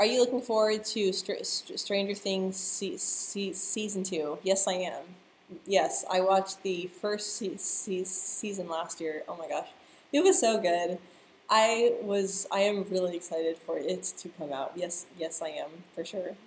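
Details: Adult woman who stutters, speaking live; part-word and word repetitions audible; stuttering.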